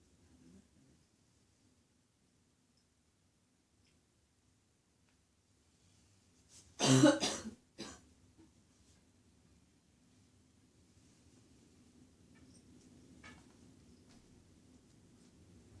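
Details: Barking cough from an adult woman mid-morning: a single loud, harsh cough followed by a brief smaller one in a quiet room.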